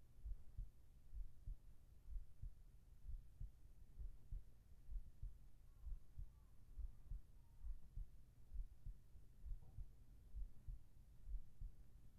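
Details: ASMR heart-sound recording for sleep, with whispered voice: steady soft low thumps at about 65 beats a minute; a regular, normal heartbeat.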